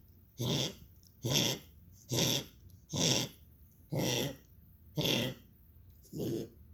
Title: goliath coughing 2